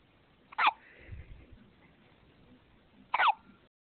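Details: Two-week-old infant with hiccups: two sharp, abrupt hiccup sounds about two and a half seconds apart in a quiet room.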